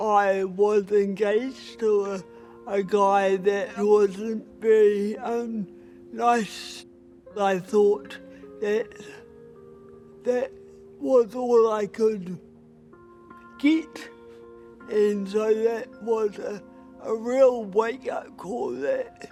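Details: Adult woman with cerebral palsy, a Paralympic boccia player, who considers her voice a real barrier to being respected; dysarthria due to cerebral palsy.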